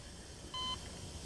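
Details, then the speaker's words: A single short electronic beep from a bedside patient monitor in a TV drama, an alarm sounding as a child's pulse briefly dropped, with vital signs said to be back to normal. "his pulse dropped briefly he dropped he's back to normal now look the monitor is to sound an alarm whenever there's a change in his vital signs"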